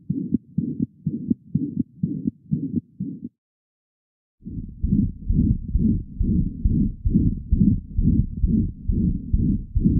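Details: Rapid infant heartbeat near 130 a minute with a loud, harsh murmur filling much of each beat, from an atrioventricular septal defect after pulmonary artery banding.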